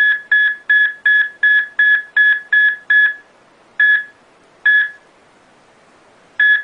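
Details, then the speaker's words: Simulated cardiac monitor beeps, fast and regular at first, then spacing out and stopping, depicting the heart going from fibrillation to arrest, shown as graph and sound. "이렇게 이제 심장이 가늘게 뛰는이 세동을 하다가 더 이상 심장이 뛰지 않는 그리고 이제 멈추는 과정을 그래프와 소리로 나타낸 그런 영상이 있는데요."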